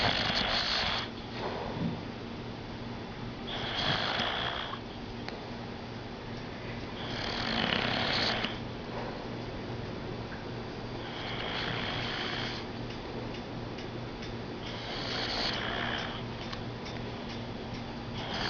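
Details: Poppa snoring, taped by a family member: rasping snores in regular cycles, about 14 breaths a minute, over steady room hum; snoring.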